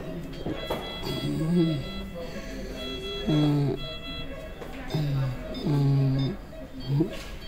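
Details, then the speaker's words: Patient with laryngeal tuberculosis has harsh, raspy high-pitched inspiratory stridor from upper airway obstruction, with suprasternal retractions during each breath in; a medical emergency. "now you see the person is when the patient is inspiring there is a raspy noise"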